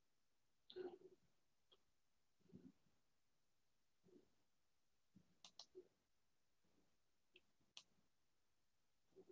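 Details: Home video of a young boy with habit cough: about nine short, dry cough bursts, single and paired, every one to two seconds with longer pauses, at least once a minute while playing; habit cough.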